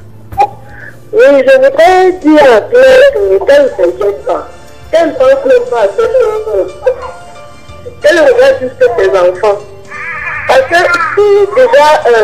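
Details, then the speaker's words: High-pitched, wavering infant cries in repeated bursts with short pauses, heard over a phone line during a radio call-in. "merci beaucoup bien une chose au petit bébé qui pleure on aime bien entendu les pleurs de bébé"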